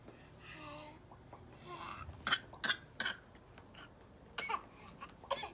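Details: An infant sitting up for the first time babbles, then gives several short, light, deliberate fake coughs, a playful imitation cough rather than illness. Voluntary cough.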